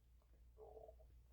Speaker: And my stomach growling. You can probably you probably hear that on the mic, too.